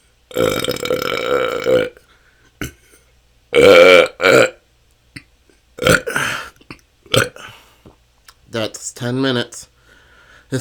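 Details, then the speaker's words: Self-recorded continuous 10-minute session of natural burping with a better microphone, in a person diagnosed with IBS and fibromyalgia; cause unclear. Belching lasts hours and has been a struggle for years. Repeated loud voiced burps, some drawn out, with short silent gaps: excessive belching (eructation). "can go on for hours this has been my struggle for the last couple of years it seems like somehow didn't let out enough gas and have stored up so much that it just I have hours and hours of gas to let out"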